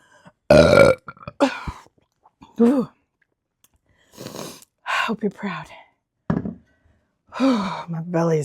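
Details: Adult woman burping after chugging beer from a 50 oz chug meter: a series of loud, long, rumbling voiced belches, about six in eight seconds, separated by silence.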